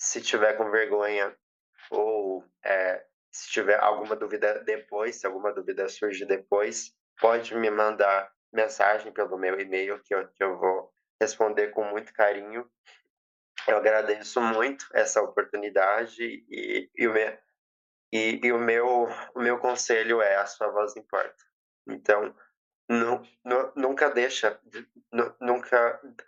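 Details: 20-year-old woman who has stuttered since age 7; past speech therapy; says emotions and nervousness intensify it and says she is very nervous; real speech showing stuttering.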